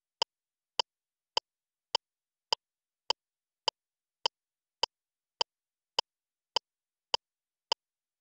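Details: LIFEPAK CR2 AED in adult mode: metronome pacing chest compressions (press hard at least 5 cm, two rescue breaths) between voice prompts; AED CPR metronome.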